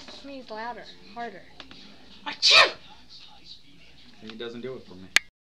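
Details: Deliberately faked sneeze: one sharp, burst-like sneeze in a small room among voices and a child's laughter, after repeated spoken "achoo" imitations; sneeze.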